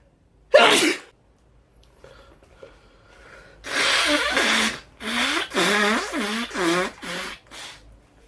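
One sharp sneeze, a quiet gap, then a run of five or six voiced, wavering bursts like further sneezes or vocal sounds after it.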